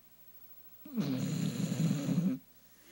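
A single loud, low, rattling snore lasting about a second and a half, drawn on an in-breath during sleep in a quiet room.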